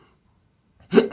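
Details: Adult male with Tourette syndrome, treated with several medications over time; isolated hiccup-like vocal tic in mid-speech; vocal tic (hiccup-like).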